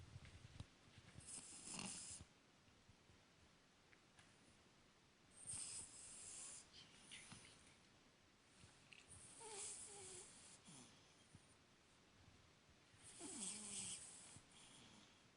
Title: Yuzu Cavalier King Charles Spaniel Puppy Cute Snoring 19 weeks